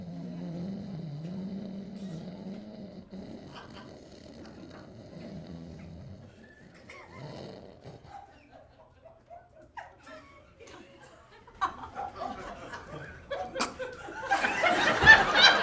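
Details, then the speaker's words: Live comedy imitation by a man who has sleep apnea and uses CPAP: long rumbling snore, breathing pause, then a choking gasp as breathing restarts; simulated sleep apnea snoring, as when soft palate closes airway lying on back. "Now, if you still don't know what sleep apnea is, I'm going to do an impression of it, and this is what it sounds like if you've got sleep apnea."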